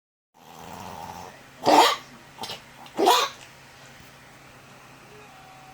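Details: Two sharp, harsh coughing bursts from a dog over a quiet low background hum: dog cough.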